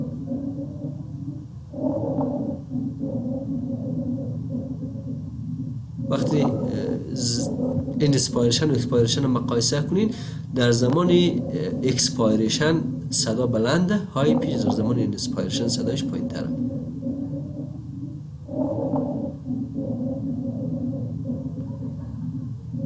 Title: Lung sounds/Rhonchi/ رانکای چیست و در کدام امراض بوجود می آید؟